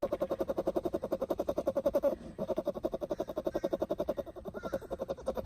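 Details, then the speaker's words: Snoring from a young bear: a rapid, steady fluttering rumble, about 220 pulses a minute, with one brief pause. "بهذا الدوب ما يشخر هذا يسوي زلزال على الخفيف بس يا اخوان هذا صغير وهيك يشخر لعد الكبير شلون"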